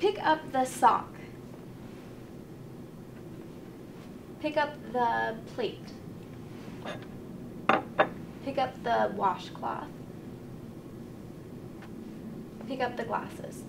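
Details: Adult female clinician; Normal speech.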